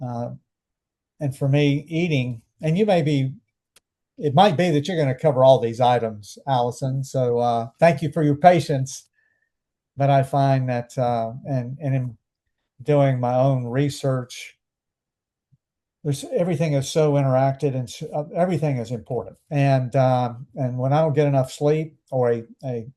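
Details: Adult male stroke survivor with anomic aphasia about 12.5 years after his stroke; he had speech therapy starting days after leaving hospital.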